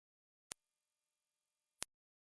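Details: High-frequency "mosquito" hearing test tone: a single steady, very high-pitched pure tone lasting about a second and a half, one of 8, 12, 15 and 17.4 kHz tones said to indicate listener age group.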